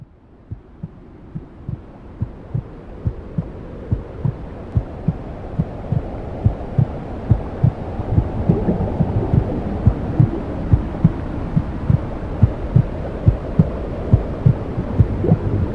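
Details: Womb sounds played to help a newborn sleep: steady low muffled thumps about 70 a minute under a deep rushing whoosh; maternal heartbeat and blood flow as heard inside the womb.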